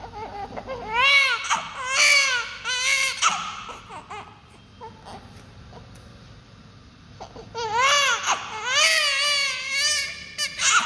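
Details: Newborn baby crying: repeated high-pitched wailing cries with brief pauses between bursts; ordinary newborn crying and fussing.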